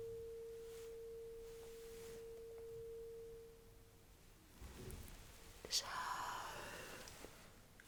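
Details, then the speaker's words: Weber test in a simulated cranial nerve exam: a tuning fork is placed on top of the head in the midline, giving a steady pure hum that slowly fades, followed by soft rustling and handling sounds. "Now, I will put the stern fork right on top of your head somewhere in the middle. And we'll also let me know if you can actually feel the vibration and the sound trickling in both sides."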